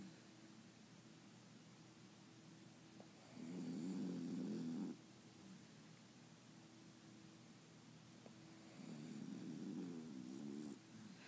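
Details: Male sleeper snoring loudly: two slow, rattling snores about five seconds apart over steady room hum.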